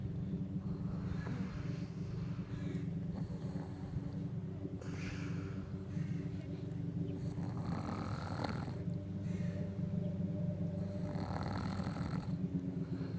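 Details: Adult male (boyfriend) snoring: continuous low rumbling snore with snorting surges over several breaths; steady heavy snoring.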